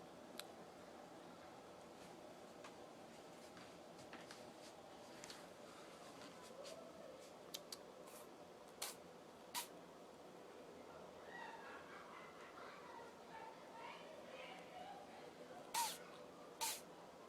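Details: A few tiny, sharp sneezes from a kitten in a quiet room; sneeze.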